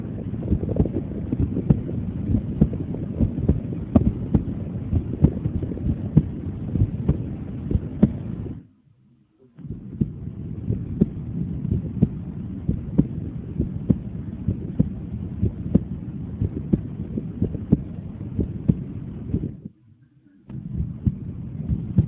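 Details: Normal heart sounds auscultated with the stethoscope diaphragm, which picks up higher-pitched sounds: repeated soft thumps under heavy low rumble, with two brief pauses.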